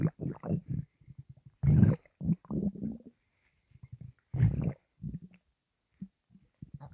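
Loud, low gurgling and growling bursts, some long and some short, with quiet gaps between them: strong stomach rumbling.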